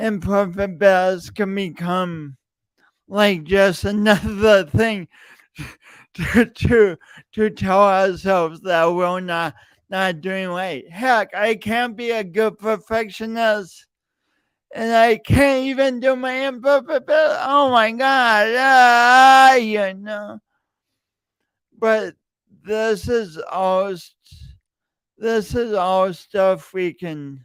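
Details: Adult male podcast host with a long-standing speech impediment he denied for years, present every time he speaks; stuttering-like disfluency with word repetitions.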